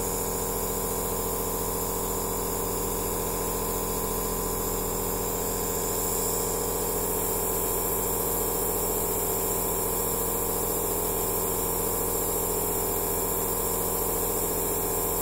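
Steady buzzing hum of a small compressor with a fine hiss of spray, unchanging throughout. Nebulizer machine running.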